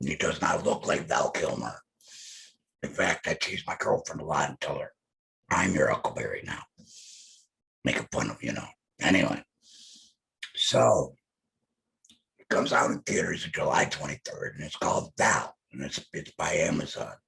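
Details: Adult male laryngectomee speaking with alaryngeal speech after laryngectomy; alaryngeal speech (laryngectomee).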